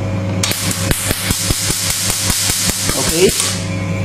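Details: Q-switched Nd:YAG laser at 532 nm (device also offers 1064 nm) for tattoo removal, set at 800 V: sharp, regular snapping clicks about 76 a minute over a steady machine hum as the laser fires pulse by pulse.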